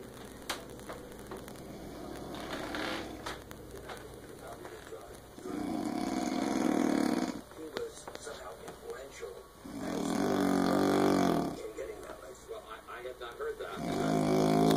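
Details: Loud, rough, low snores on each breath in, about 14 to 15 a minute, with quieter pauses between them; a father snoring.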